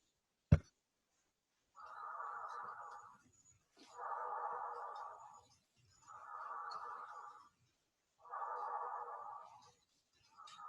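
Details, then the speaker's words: Normal tracheal breath sounds heard over the trachea: rough, blowing sounds, with the expiratory phase louder and longer than the inspiratory phase and a short silent gap between the two phases. "você vai escutar um ruído soproso e mais ou menos rude e o componente respiratório ele é mais forte que não inspiratório e mais prolongado"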